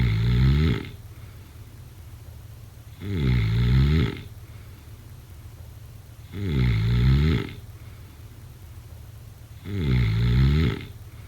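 Four deep, rattling snores on breathing in, about 18 breaths a minute, with a steady low hum in the background; snoring during sleep.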